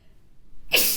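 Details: A model sneezing while reading aloud: a quick breath in, then a sudden sharp hissing burst of air, a single sneeze.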